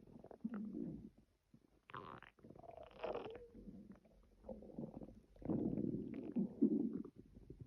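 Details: Stomach growling (borborygmi): gurgling, rumbling stomach noises in irregular bursts with brief quiet gaps between them.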